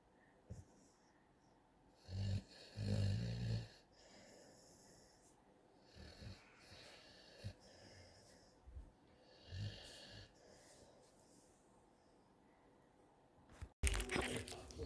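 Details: Young, fast-growing dog that drools heavily and sleeps with her tongue out, snoring loudly: soft, low, snorting snores with a few louder rumbles over room noise.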